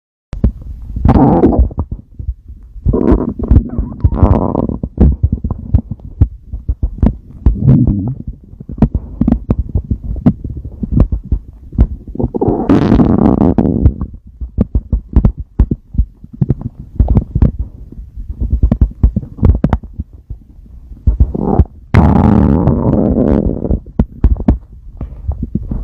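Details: Adult male's stomach growling: low gurgling rumbles and squeaks in bursts from the abdomen, ordinary borborygmi.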